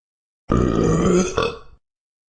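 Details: Burping sound effect: a single long, deep burp with a rising tail at the end.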